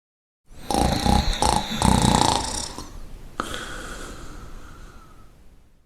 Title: Efecto de Sonido Ronquido / Sound Effect Snoring